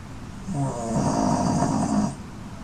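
A single drawn-out rattling, fluttering breath sound lasting over a second; snoring in a sleeping dog.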